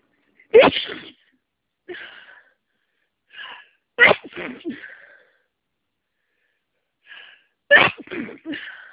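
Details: Person with a cold having a sneezing fit: a run of three loud sneezes, each preceded by a short breath in, with softer sniffs and gasps between.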